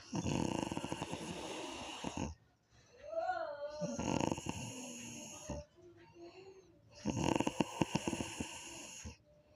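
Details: Snoring during sleep: loud, rattling snores on each breath in, separated by quieter breathing out.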